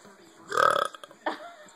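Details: Adult man deliberately burping to show an infant boy how it is done: a loud, drawn-out voiced belch lasting about half a second, followed by a brief vocal sound; the infant seems startled.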